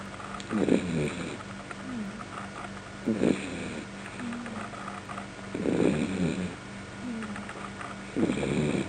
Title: Tux the Beagle Snoring